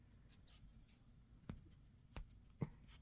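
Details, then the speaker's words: Pet raccoon with hiccups, heard while playing with a blanket. "Billy has the hiccups yeah got hiccups"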